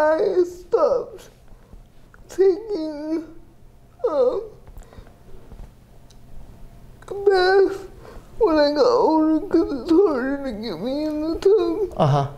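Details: 30-year-old woman with GMFCS Level 4 cerebral palsy, quadriplegia with an athetoid component, affecting the speech muscles so speech may not be fully clear; dysarthria (cerebral palsy).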